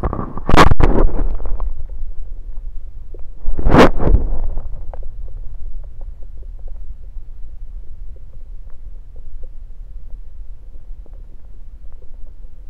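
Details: Bowel sounds heard through a stethoscope placed around the belly, recorded mainly to show stethoscope placement: two loud handling thuds, then low gurgling and rumbling; ordinary bowel sounds.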